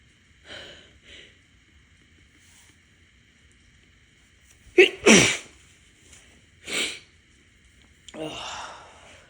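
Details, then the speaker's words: Adult sneezing from ragweed allergy, stuffy with watering eyes: short catching in-breaths, then a forceful double sneeze and more sneezes; allergic sneezing. "sneezing a lot yesterday, and I woke up this morning stuffy, and took my dogs out."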